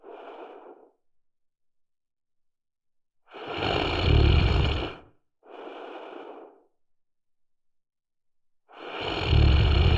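Loud, low rattling snores on each in-breath, alternating with quieter out-breaths, in an otherwise silent room.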